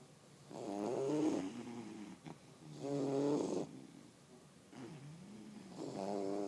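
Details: Bully-breed dogs relaxing and sleeping, snoring: rhythmic, buzzing snores with each breath, about one every two seconds.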